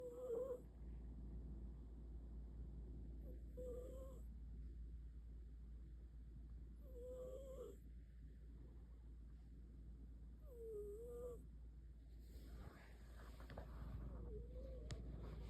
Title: Cats making cute noises - Volume up! #snoring #cutecats